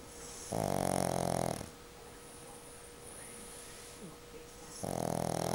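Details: Patient recovering after an operation, asleep: two loud, rough, buzzing snores about four seconds apart with quiet breathing between; ordinary snoring.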